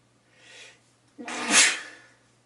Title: Sneeze21